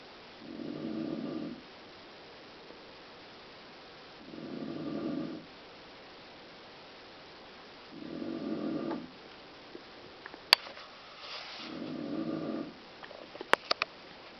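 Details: Mother snoring: four even, rumbling snores about every four seconds, roughly 15 breaths a minute, with a few faint clicks near the end.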